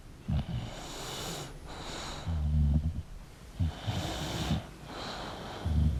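Low, rattling snorts and snores with each breath from a sleeping short-nosed dog, about three cycles in six seconds; noisy airflow through a narrow upper airway.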